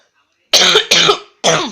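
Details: Person with a sore throat: three harsh, rough coughs in quick succession.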